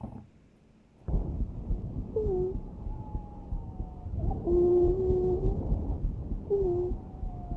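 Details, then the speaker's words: Whistling sounds from airway turbulence played in a lecture on respiratory sounds; wheezes (asthma). "ahora algo que sí me interesa también es el tema de los sibilantes no los sonidos que ustedes van a tener que es como un silvido no y es por eso es que se dice sibilante"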